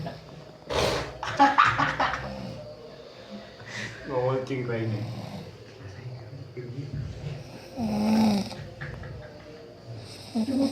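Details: Sleeping person snoring: loud, rough snoring breaths rising and falling over ordinary room noise, with a brief voice in the background.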